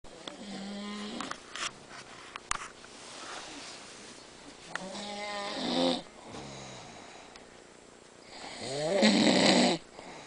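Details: Three rattling, rising snores a few seconds apart in a quiet room, likened to a cat being killed; ordinary snoring during sleep.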